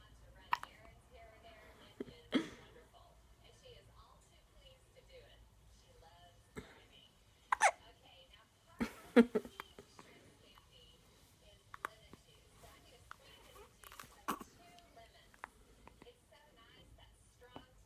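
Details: Hiccups: short, abrupt catches at irregular intervals, several of them sharper, with faint talk in a quiet room.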